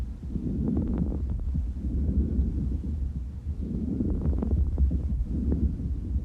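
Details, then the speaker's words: Crackles from airways rapidly reopening with moisture or fluid present, as heard in pulmonary edema, early congestive heart failure or bronchitis. "crackles are because of moisture some fluid is there okay many possible causes of crackles are pulmonary edema early congested heart failure"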